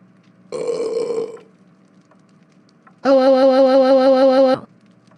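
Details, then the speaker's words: Two burp-like sounds, the second long and buzzing with a steady tone; imitation belches in a staged comedy skit about burping in the living room; burping. "don't burp in here say excuse me right now stop burping if you burp one more time you will be grounded"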